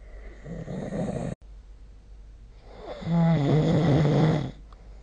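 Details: Snoring during sleep recorded with the SnoreLab smartphone app.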